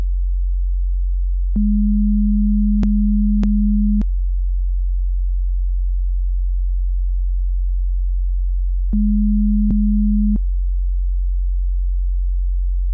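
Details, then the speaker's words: Simulated ASMR hearing test through headphones: two steady low pure tones, each about two seconds long, with faint clicks, given while the listener is asked to say when they hear the higher-pitched beep; audiometry pure-tone beeps. "Tell me when you hear the higher pitched beep."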